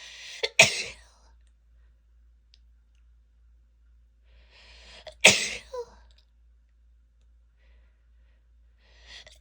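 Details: Female sneezing: two sharp explosive sneezes, each preceded by a brief indrawn breath, with the start of a third; the recording also includes stifled sneezes and nose blows.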